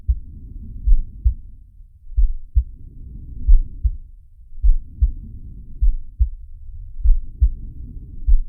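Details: Heartbeat with breath sounds of the cartoon shark Sharko from the Zig and Sharko animated series: regular low thumps through a stethoscope, about 100 a minute, under slow breath cycles, about 28 a minute.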